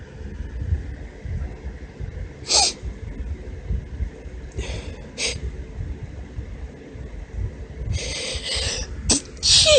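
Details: Deliberately performed girly, high-pitched sneezes from a female: several short sneezes with brief hitching catches between them, over steady room noise.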